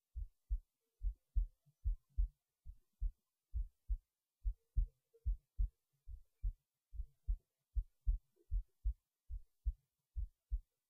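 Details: Heartbeat recorded late at night while resting in bed before sleep, steady low thumps at about 73 beats a minute in a quiet room; normal resting heartbeat.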